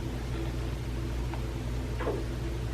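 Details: Kerry Blue Terrier refusing food: steady low rumbling with two brief gurgling squeaks, audible dog stomach growling (borborygmi).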